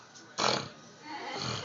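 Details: A man snoring pauses his breathing, then one loud, rough gasping snort bursts out as he resumes breathing, followed by quieter noisy breaths.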